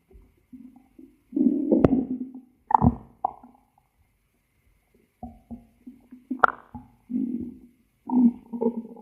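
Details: Cat's stomach growling: low gurgling rumbles in short bursts with pauses and a few sharp clicks; borborygmi.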